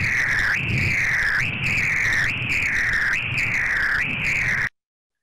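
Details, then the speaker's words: Arterial Doppler signal: continuous whooshing tone with one soft rise per beat at about 64 per minute; dampened monophasic flow from loss of multiphasic components, as occurs distal to a stenosis. "and then this is an example of monophasic flow which sounds like this"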